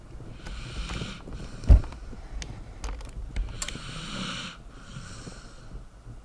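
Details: A sleeping dog snoring with repeated noisy, rasping inhale and exhale sounds and a brief snort over a low background rumble; the dog later wakes up.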